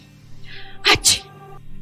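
A quick indrawn breath followed by a sharp double burst of a sneeze, over faint background music.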